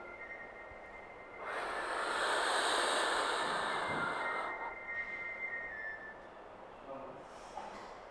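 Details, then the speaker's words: Turbuhaler dry powder inhaler demonstration by a pulmonologist: after breathing out, a deep steady breath in through the device lasting about three seconds, then quiet as the breath is held 5–10 seconds; correct technique. "hold your breath for 5 seconds to 10 seconds after taking a deep breath in and that's it you're done"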